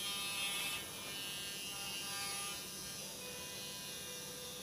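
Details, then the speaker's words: Motorized arthroscopic burr taking down bone the shaver could not remove, in a 45-year-old right-hand-dominant woman with a work shoulder injury and previous rotator cuff surgery; steady high-pitched motor whine with slight pitch changes. "And now we're going to use a motorized burr to take down and clean out some of the bone because the shaver is thus not able to achieve that."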